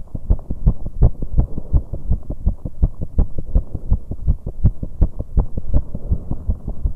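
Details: 19-year-old female's heartbeat after an exercise bike session: a rapid, pounding heartbeat with an irregular rhythm and premature beats.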